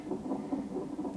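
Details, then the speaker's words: Fetal heart rate acceleration on a nonstress test in late pregnancy: a rapid, whooshing Doppler heartbeat rising to about 151–152 a minute after fetal movement, considered reassuring. "Now the baby's heartbeat's going up to 152, 151. Yeah. Oh, yeah. That's good. Yeah. It sounds different. Sounds like it's raising."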